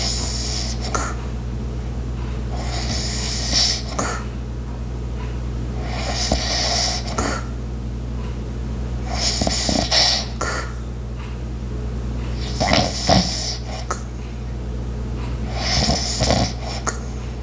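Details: Light snoring, regular breathy snores about every three seconds (roughly 18 a minute), over steady household hum with background ice maker, clock and walking sounds.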